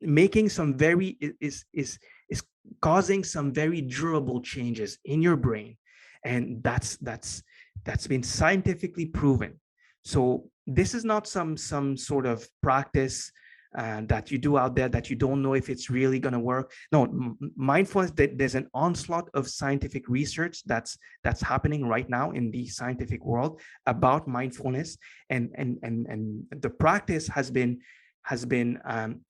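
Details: Lifelong stuttering in an adult male, present since earliest memory and formerly severe enough to prevent coherent sentences; years of meditation practice have given him more control, so the stutter is now barely audible.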